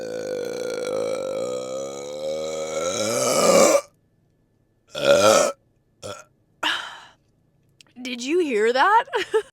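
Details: Woman voluntarily belching after drinking Coke, saying burps sometimes feel stuck: a long, loud, drawn-out belch, then shorter burps and a brief spoken remark; burping.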